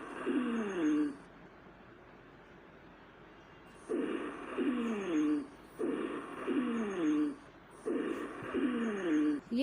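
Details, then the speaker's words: Wheeze (rhonchi) in a respiratory-exam teaching example: repeated musical, whistling tones with breathing, produced as air passes through narrowed airways, most commonly in asthma. "Musical या whistling sounds होती हैं जो produce होती हैं जब air का passage हो narrowed Airways से।"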